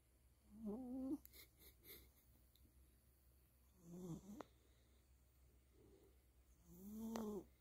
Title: cat snoring